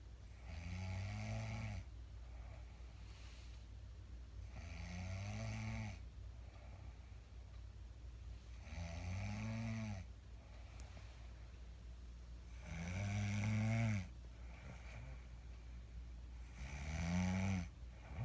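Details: Adult woman (wife) snoring louder than usual at night: regular low rattling snores, about 16 breaths a minute, in a quiet room; ordinary snoring.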